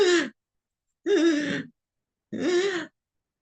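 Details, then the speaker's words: Doctor imitating asthma wheezing while explaining symptoms like shortness of breath: three breathy, whistling exhalations, the high musical sound of air through narrowed airways; imitated wheeze. "common symptoms are shortness of breath wheezing so you can hear whistling sound if you can hear me it probably would sound like this."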